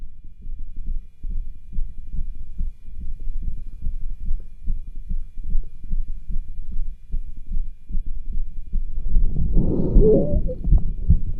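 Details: Cardiology stethoscope auscultation over the tricuspid, aortic and pulmonic areas while the subject does pushes to make the heartbeat more dramatic. A rapid, uneven heartbeat with rough, scratchy noise between beats and a louder rushing burst, consistent with a heart murmur and friction rub, clearest over the pulmonic area.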